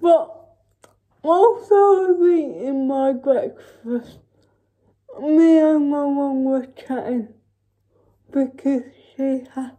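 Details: Dysarthric speech in a female vlogger with cerebral palsy, real everyday speech.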